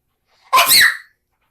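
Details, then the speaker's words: Self-induced sneeze that the person calls their usual weird sneeze and admits was somewhat fake: one loud sneeze with a sharp hissing burst and a high squeaky, whistling finish. "See, I told you I had the weirdest sneeze ever."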